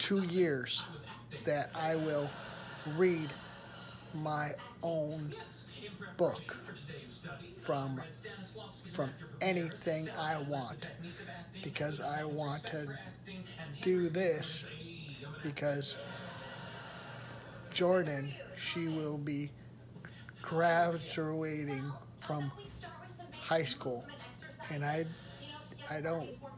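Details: Aphasia in an adult man who attended a rehabilitation research program about a year earlier and reports improvement with practice; fragmented sentences.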